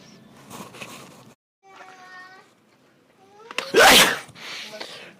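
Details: Deliberately exaggerated loud sneeze performed as a prank inside a Target store; a sudden, explosive sneeze after a brief indrawn breath amid store background noise.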